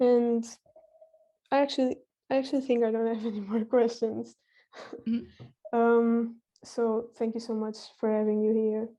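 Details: Child or young speaker; typical speech.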